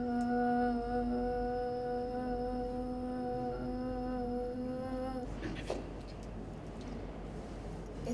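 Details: Sustained vowel phonation by a patient with ataxia (ataxic dysarthria), repeating the exercise during a speech therapy camp.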